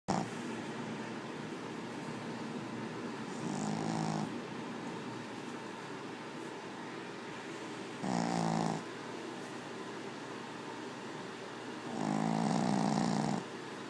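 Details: Pug snoring: three rough, rattling snores about every four seconds, roughly 15 a minute, over room noise.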